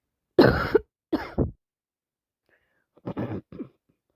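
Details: Person with a lingering bad cold who is sneezing, sniffing and blowing: a few short, moist coughs and throat clearing in a quiet room.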